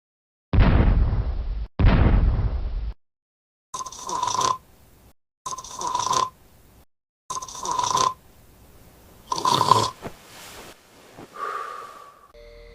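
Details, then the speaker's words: Two loud, rough snores followed by shorter whistling, snorting noises, acted heavy snoring presented as a possible sign of sleep apnea in a middle-aged person whose blood pressure stays high despite medication; snoring. ">> 심한 코고리는 수면 무호흡증의 신호일 수 있습니다. 수면 중 호흡이 단복해서 막히면 산소가 떨어지고 교감 신경이 활성화되면서 혈압이 올라갈 수 있습니다."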